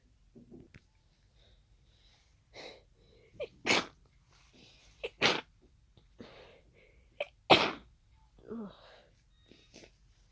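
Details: Sneezing fit of unknown cause after an hour of nasal irritation, allergy medication already taken: several forceful sneezes, each with a sharp inward breath, then congested-sounding sniffing breaths toward the end.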